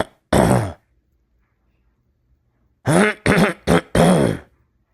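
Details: Throat clearing, presented in the context of reflux causing mucus build-up on the vocal cords that can lead to aggressive throat clearing; throat clearing.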